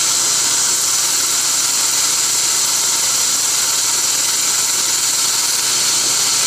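Steady loud high hiss and whine of dental equipment running during root canal treatment.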